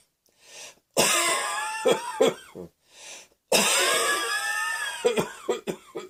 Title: Cross Dressing Coughing 47